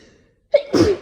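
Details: A single sneeze during a sneezing fit from someone with an itchy nose, possibly hayfever from tree pollen or an oncoming cold: a short sharp in-breath, then one explosive sneeze.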